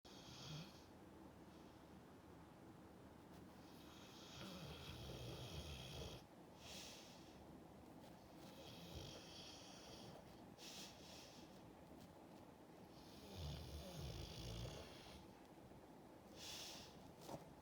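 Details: Sleeping, dreaming French mastiff snoring: low rumbling snores with snorting breaths and soft whimpers.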